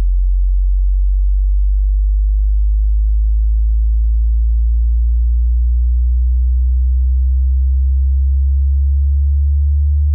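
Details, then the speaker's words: Hearing test tone: a steady, very deep, hum-like pure tone played to check which frequency ranges can be heard. "まず、あなたと一緒に聴力検査をしましょう。聞いて、どの周波数範囲で音が聞こえるかを確認してください。"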